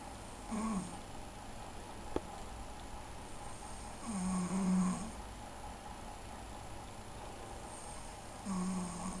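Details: Snoring from an adult sleeping after a few beers: slow, low rattling snores about 15 a minute, each on the in-breath, in a quiet room; ordinary snoring.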